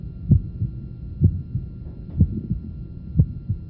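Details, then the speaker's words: Adult patient turned to left lateral position, heard at the apex over the point of maximal impulse: regular heartbeat about 62/min with split first sound, soft systolic murmur and a low third heart sound. "now we'll turn the patient to the left lateral position and listen over the point of maximum impulse at the apex split first systolic murmur"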